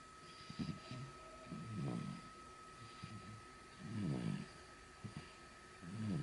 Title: 「生後３カ月の赤ちゃんのいびき」3Months Baby Snoring